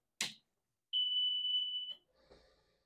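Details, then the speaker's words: Home-fill-compatible oxygen concentrator switched on by its power button: a click, then a steady high tone for about one second, the start-up test tone, followed by the faint sound of the machine starting to run. "the unit will make an audible test tone noise momentarily lights on your panel will illuminate and you will hear the concentrator start to run"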